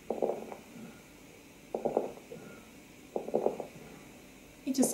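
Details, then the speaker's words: Lung auscultation teaching recording of crepitation: late inspiratory fine cracking as fluid-stuck alveolar walls separate with difficulty at the end of inspiration. "during expiration alveolar stick together as a result of fluid presence during inspiration alveolar walls separate with difficulty at the end of inspiration to produce late inspiratory slight cracking sound"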